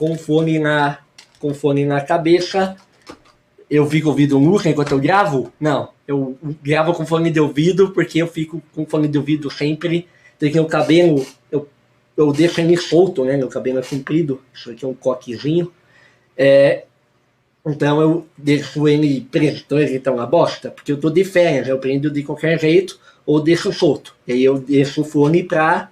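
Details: Hypernasal speech from congenital velopharyngeal incompetence in a male with normal vocal cords; late speech onset, about eight years of childhood speech therapy and a palatal expander; surgery was not possible.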